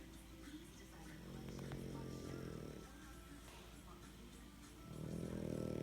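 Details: Sleeping dog snoring: low, rough, rumbling snores that rise and fall with its breathing, with faint music in the background.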